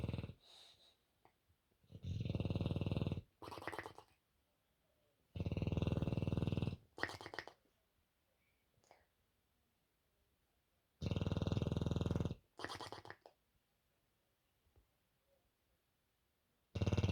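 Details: Loud, rattling snores from a sleeping bulldog, long inhaled snores with shorter snorts between, about four cycles over 17 seconds.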